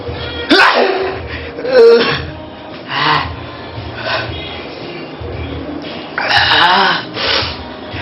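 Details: Two or three sharp, explosive sneezes with music playing in the background.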